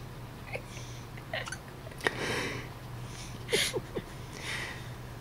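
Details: A tired infant boy who has had hiccups for several minutes, said to be usually louder: soft, brief, squeaky catches at irregular intervals over a low room hum.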